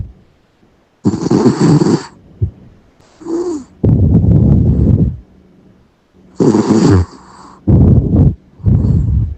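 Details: Yorkshire terrier sleeping: irregular low rumbling snores and snorts with pauses; ordinary snoring.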